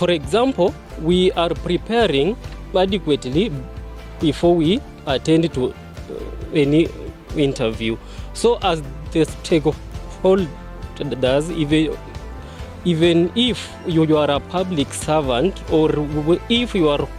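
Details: Self-identified person who stammers, who substitutes difficult words; stuttering.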